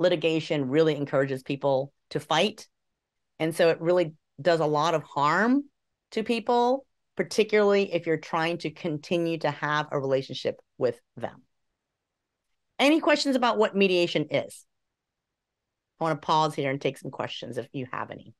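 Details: Adult speaker; normal fluent speech.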